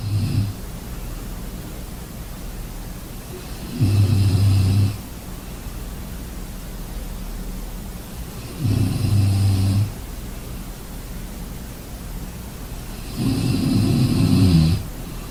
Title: Sleeping sounds Snoring enjoy